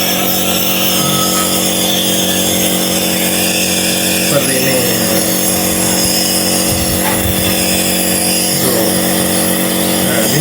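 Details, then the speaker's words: Loud, steady mechanical buzz and hum of a nebulizer compressor running, mask covering infant's nose and mouth; nebulizer compressor running. "Ini yang pertama-tama kita ee hidupkan dulu seperti ini dan kita tempelkan ke ee bayinya, hidung dan mulutnya seperti ini. Nah, ini sekitar ee 5 sampai 15 menit atau hingga ee obatnya habis"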